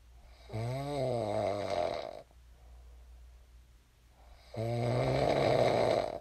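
Two loud, rough, rattling breath sounds with a quieter breath between, typical snoring.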